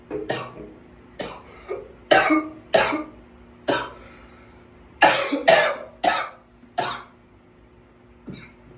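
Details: Self-recorded runaway coughing attack: repeated harsh coughs, about ten, in irregular bursts over several seconds.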